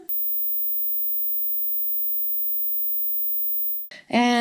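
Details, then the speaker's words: 20,000 Hz hearing test tone, described as the highest frequency perceivable by human hearing: a steady, very high-pitched pure tone lasting about four seconds, audible only with very good hearing. "when I will do 20,000 texts and this is the highest rings that can be perceived by human hearing when you can hear this beep you've got a really great really good hearing"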